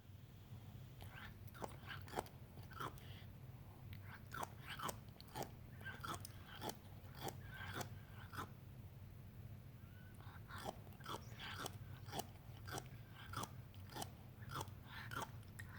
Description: example of an older cat grinding their teeth after eating